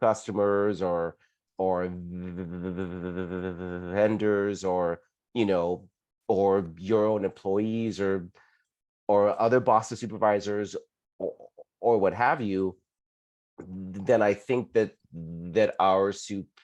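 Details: Adult who stutters and never had speech therapy; stuttering.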